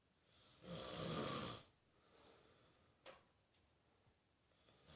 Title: My buddy snoring on his last invited camping trip